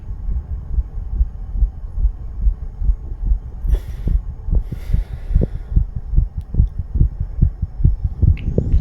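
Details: 34-year-old male under the influence of nicotine and "green stuff," recorded to test its effect on heart rate: rapid, regular low thumps at about 140 a minute over a steady low rumble, tachycardia.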